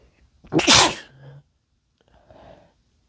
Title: induced wet sneezes (m)